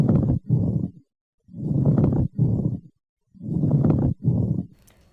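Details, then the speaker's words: Pleural friction rub used as a teaching example: coarse, creaking grating sounds in pairs during both inspiration and expiration, from pleural surfaces rubbing against each other; the rub disappears on breath holding. "अभी आपने जो sound Sunny है plural यह एक greeting sound होता है जिसने जैसी आवाज होती है plural surface against H author face of respiration में सुने देती है"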